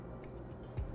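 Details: Ultrasound Doppler of twin embryos at 7 weeks 1 day of pregnancy, about 1.12 cm long, hearts beating together. Faint, rapid ticking pulses over Doppler hiss; one heart at 154 bpm, described as normal: fetal heartbeat.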